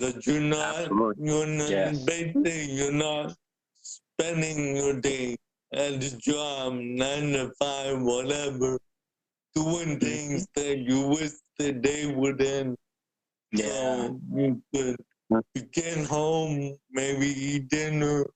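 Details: Adult man born with cerebral palsy, a wheelchair user with physical limitations, for whom speaking is noted to be hard; dysarthria (cerebral palsy).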